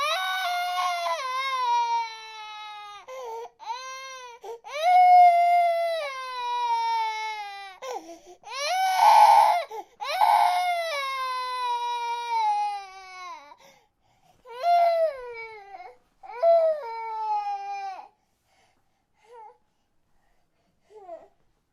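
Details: A baby-crying sound effect from an audio library: long, high wailing bursts with short breaths between, fading to whimpers at the end.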